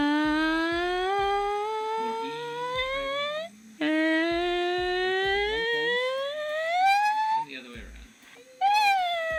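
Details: Adult voice, phonation with rising pitch glides; normal voice pitch change with vocal fold length.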